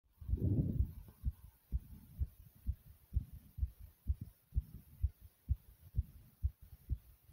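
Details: Low, regular thudding heartbeats, quick and forceful, after a brief rumble of handling noise at the start; the person's own fast, pounding heartbeat.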